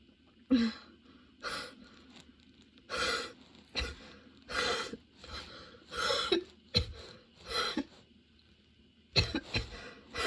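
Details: Sudden-onset nonstop coughing fit that kept worsening, bringing tears and repeated position changes for comfort: about ten forceful coughs, roughly one a second, little recovery between; persistent coughing fit.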